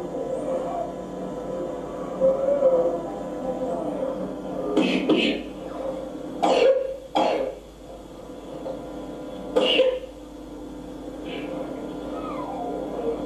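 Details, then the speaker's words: Child with acute breathlessness in a teaching clip, showing visible breathing effort: short dry coughs over noisy breathing with an expiratory noise the audience calls wheezing. Expiratory wheeze with dry cough. "so we've got a noise and expiratory noise I think most of us would say squeezing"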